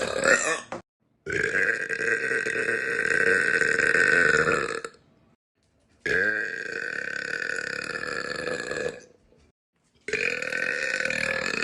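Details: Three long, loud, drawn-out belches, each several seconds, separated by brief silences; deliberate burping.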